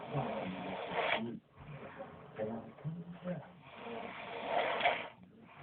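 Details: Older brother asleep, snoring though he thinks he doesn't: rough, buzzing snoring breaths with a vibrating, fluttering quality, repeating a few seconds apart.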